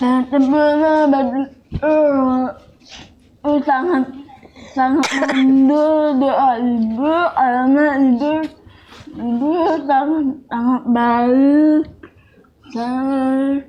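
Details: Young woman with cerebral palsy, born premature at 7 months, unable to speak until about junior high school, had therapy, speech still garbled; dysarthria (cerebral palsy).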